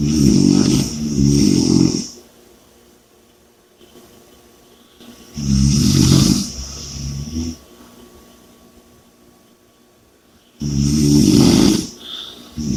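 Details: Loud, rough, low snores on the in-breath about every five seconds (around 12 breaths a minute), with quiet gaps between; heavy snoring.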